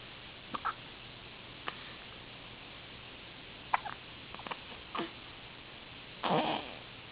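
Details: An infant talking and hiccuping in a quiet room: several brief, sharp little catches spaced about a second apart, then a short infant coo near the end; infant hiccups.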